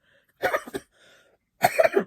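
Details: A 42-year-old woman on day 3 of being sick with a cold, with no fever and no sore throat, gives two short bouts of dry, hacking cough with no wet sounds. Her dry cough is worsening; she plans COVID testing.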